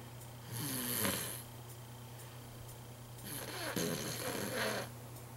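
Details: Snoring: two rough, rattling snores on the in-breath over a steady low room hum.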